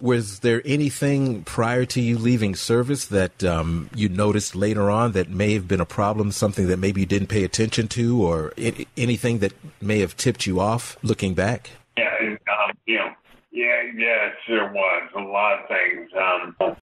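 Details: Adult men, interviewer and a second voice over a phone-quality line; ordinary conversational speech.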